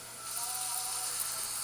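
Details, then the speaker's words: Dental implant surgery, osteotomy preparation with a slow, quiet electric drill: steady whirring with soft hiss while preparing the implant site. "we're gonna go ahead and continue to prepare the space for the implant at the very gentle people think all your drilling when we're not it's not a noisy drill look it's an electric drill it's very slow and"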